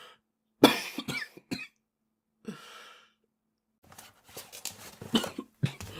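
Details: Japanese boy coughing: a short burst of coughs, a breathy inhale, then a rapid run of several more coughs.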